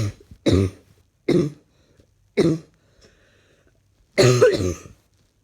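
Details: Ongoing cough in a person feeling unwell: four separate harsh cough bursts, the last one longer and double; cough.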